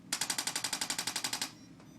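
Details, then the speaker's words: ProAdjuster instrument-assisted chiropractic adjustment, demonstrated in a clinic: the device scans the spine for misalignments, then taps flagged areas. A rapid burst of about fifteen even, sharp taps in under 1.5 seconds, near ten per second. "the pro aduster allows me to scan your spine looking for any problem areas or misalignments the pro uses tapping to put the bone back in place"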